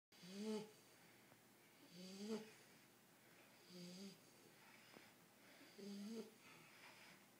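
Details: A 10-week-old shar pei puppy snoring while asleep: rhythmic rattling snores with a whistling edge, about 33 a minute.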